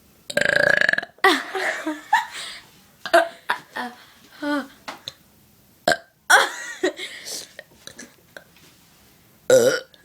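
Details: Repeated loud belches in quick succession with short pauses, frequent burping from a sister with a habitual burping problem.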